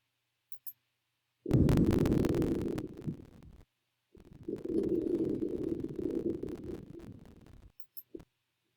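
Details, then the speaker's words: Virtual exam, stethoscope on chest: lungs clear anteriorly and posteriorly, no rales or wheezes; two soft, rushing breath sounds, crackle-like noises from the recorder, not respirations; normal breath sounds. "first towns are clear on auscultation no rails reason louises are wrong anteriorly or posteriorly"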